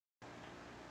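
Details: Woman who lost her voice, speaking with an electrolarynx device; electrolarynx speech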